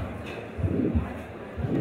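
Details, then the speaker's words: Next Generation Harvey cardiopulmonary patient simulator (manikin): stethoscope moved up into the carotid arteries of the neck, first and second heart sounds with a whooshing aortic stenosis murmur (partially stuck-shut aortic valve) radiating to the carotids. "this is a Orting stenosis those of you with a clinical background and know a little bit about that that's up partially stuck shut a or tick valve sometimes we can even hear that up into the neck harvey's murmurs radiates as you would expect them to"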